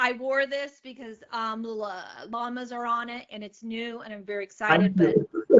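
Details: Stuttering in an adult woman comedian who began stuttering at age eight and also has dyslexia.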